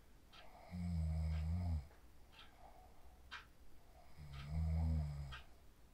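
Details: Person asleep after practising the 4-7-8 breathing technique, recorded on a phone: two low, buzzing snores on the in-breath, about a second each, separated by quiet exhalation; ordinary snoring.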